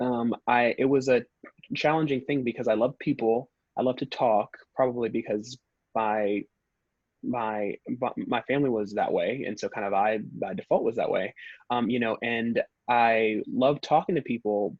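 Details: Stuttering in an adult man, the only person in his family who stutters, who describes himself as a former covert stutterer who avoided words and blocked.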